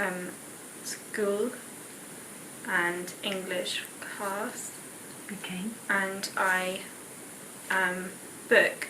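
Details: 19-year-old woman with expressive aphasia after a left-hemisphere stroke the previous year, with right-sided pins and needles; comprehension intact, can write words she cannot say; expressive aphasia (Broca's aphasia).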